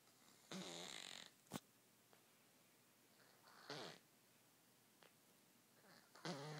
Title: Scamper the Snoring Cat with No Ears